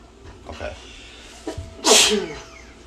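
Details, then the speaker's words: Single sharp, hissing adult sneeze after a brief intake of breath, with faint music and quiet voices behind it. "that was weird i don't know right did you hear that when you sneezed it went right to the beat as soon as you sneezed it went pew no that was my nose"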